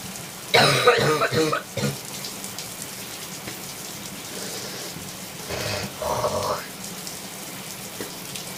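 A run of harsh coughs and throat clearing, then later clearing and spitting sounds, over steady shower spray; a wet, productive cough.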